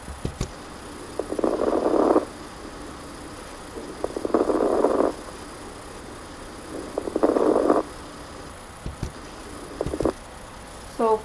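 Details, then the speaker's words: Lung crackles through a stethoscope: three breath cycles with bursts of coarse popping, like a fire crackling or velcro ripping apart, illustrating excess fluid in the lungs. "crackles sound uh almost like the crackle of a fire when it pops or some people describe it as if you were to rip uh two pieces of velcro apart from each other so this is what crackles sound"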